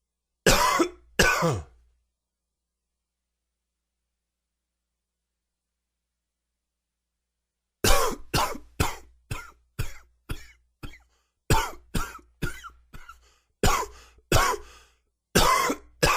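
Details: Nagging dry cough with a slightly sore throat: about sixteen short, sharp, dry coughs, a brief pair, a pause, then a long repetitive fit.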